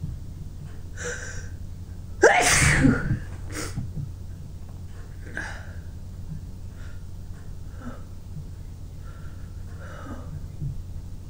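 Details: Person with a tickling nose deliberately letting out repeated sneezes, with running nose and eyes and a sore throat: one loud, forceful sneeze after a sharp intake, then quieter breaths and sniffles in a quiet room; sneezing.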